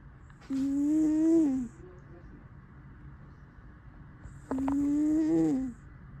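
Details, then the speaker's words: Snoring in a sleeping cat that then wakes up; two drawn-out, whistling, tonal breaths about four seconds apart over quiet room noise. Eye discharge is also noted. "起きちゃった。起きちゃったやん。いびき可愛かったのに。いびき聞こえるかな。おっさんですね、キャスちゃん。いびきすごいですね。"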